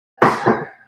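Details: Voluntary cough during a nursing head-to-toe assessment lab.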